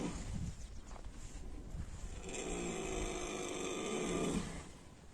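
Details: Low, rumbling, fluttering breath noise building to a long rattling snore, recorded outdoors early in the morning from a sleeping horse: snoring.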